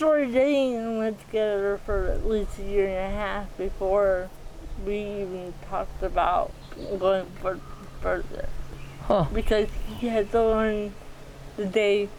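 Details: 40-year-old woman with athetoid cerebral palsy, GMFCS level 3/4, moderate to severe physical involvement from quadriplegia, using a walker and power wheelchair; dysarthria.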